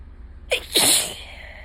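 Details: Adult with itchy allergies, the day after a bad allergy day and still symptomatic: a sharp intake, then one forceful, hissing sneeze, one of a run of repeated allergic sneezes.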